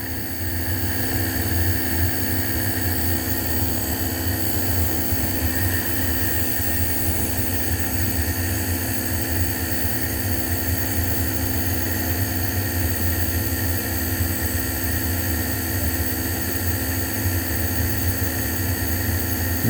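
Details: Loud continuous low motor drone with hiss from an Omron compressor nebulizer running during a treatment for an adult with bronchitis, asthma medication vial in use; nebulizer compressor running.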